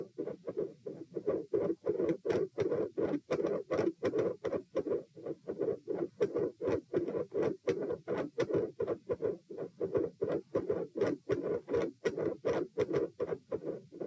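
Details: Heart sounds recorded at chest position P during a lie-stand-lie postural stress test (84-120-126-78 bpm): loud, rapid thuds at about 80 a minute with uneven, abruptly changing loudness and dense waveforms.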